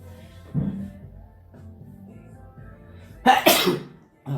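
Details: Brief catch of breath, then a single loud, explosive sneeze that fades quickly, over quiet background music; an ordinary sneeze from a young man during a livestream.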